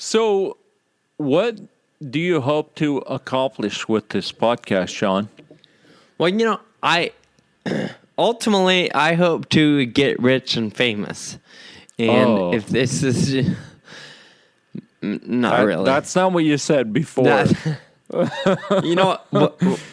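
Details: Ataxic dysarthria in a male podcast host with Friedreich's ataxia, who says slurred speech is a symptom of his condition, along with loss of balance and of muscle control in his legs and arms.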